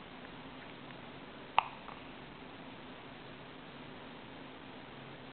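One abrupt, clipped hiccup against steady room noise.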